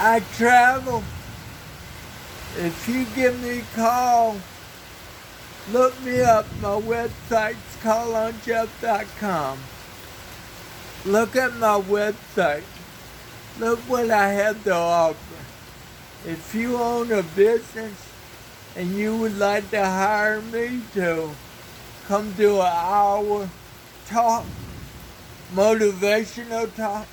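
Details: Dysarthria in an adult man who has lived 49 years with cerebral palsy and describes a speech impairment; he reports that some words take extra effort and that the following words come with struggle.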